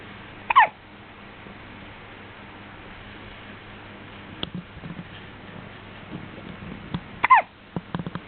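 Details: Two sharp, abrupt hiccups several seconds apart, with faint breathing and small noises between them over a steady background hiss; hiccups.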